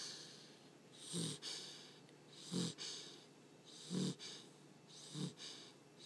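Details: Sleeping American Bulldog puppy snoring loudly: short snuffling snores about every 1.5 seconds, each with a brief nasal snort.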